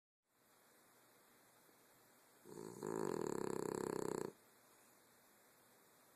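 One long, loud, buzzing rattle on a single breath, with fast fluttering vibration; a dog's snore.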